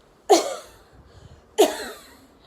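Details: Demonstration of the forced expiratory cough technique for clearing thick lung secretions, done after five deep breaths: two sharp, forceful coughs about a second apart.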